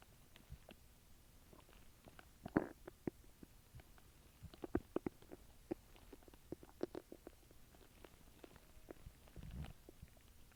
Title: {~Stomach noises~}